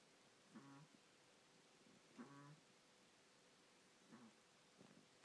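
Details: Faint, brief squeaky whistles recurring every second or two in a quiet room: a sleeping puppy, Zia, snoring while Zoey sleeps quietly.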